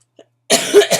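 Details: Adult with chronic illnesses and asthma complications, now with bronchitis and on prednisone: a short, harsh cough burst with a brief second push at the end; cough in acute bronchitis.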